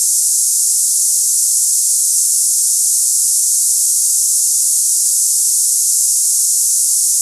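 Steady, loud, high-pitched hissing like cicadas, a simulated tinnitus sound for comparing with ringing or hissing in the ears.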